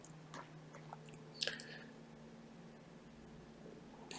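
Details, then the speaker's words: Crackling, scraping and popping as an instrument lifts and loosens an impacted, dark, softened wax plug in a narrow left ear canal, extending from halfway down the canal to the eardrum, during suction after drops: instrument ear wax removal. "see i'm beginning to mobilize this plug of wax so i'm able to loosen it from the canal wall but this wax extends from halfway down his ear canal right to his eardrum and it has been impacted"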